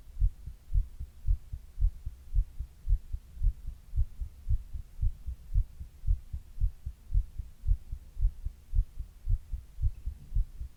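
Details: Adult's own heartbeat recorded over 28 minutes while reading, with a 102-degree fever during part of the recording: steady regular low thumping at about 113 beats a minute, no added sounds.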